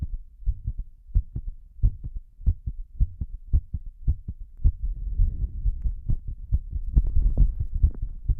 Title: pounding breathold heartbeat (w/heavy breathing)